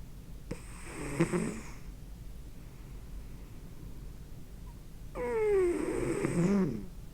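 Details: Snoring from a sleeping fat male cat, recorded with a microphone: two loud, rattling, slightly whistling snores about four seconds apart, with a quiet room between them.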